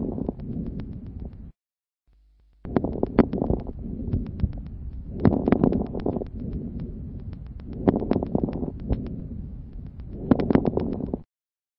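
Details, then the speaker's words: Fine crackles heard through a stethoscope: bursts of brief, explosive, fine popping during each breath, as distinct from coarse crackles. "les râles crépitant sont des bruits courent explosif on distingue selon leurs auteurs les crépitant fin et les gros crépitant d'écouter d'abord décrépite enfin"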